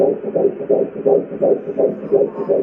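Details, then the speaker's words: First-trimester ultrasound at the doctor's office, with the baby's heartbeat played: rapid, regular whooshing fetal heartbeat pulses at roughly 170 beats per minute. "and then the doctor played the heartbeat for us and we could hear our baby's heart that was too much for the first time in our lives"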